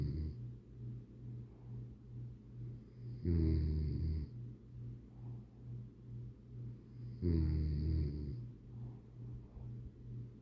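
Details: Snoring from someone just getting over a minor cold: deep, loud snorting snores every few seconds over steady low rumbling breathing, with a faint whistle at each snore.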